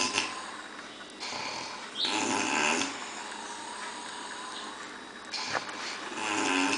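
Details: Loud, rough, rattling breathing noises recur with each breath during sleep; heavy snoring.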